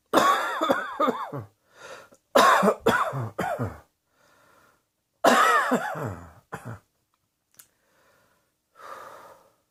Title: Cross Dressing Coughing 29